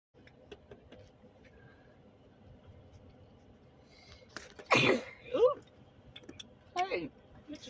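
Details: Young boy sneezing: a single sharp, explosive burst with a brief voiced follow-up, against quiet room noise.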